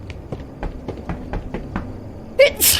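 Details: A short run of soft rhythmic inbreaths, then a sudden loud burst of air: a sneeze, one of many repeated sneezes.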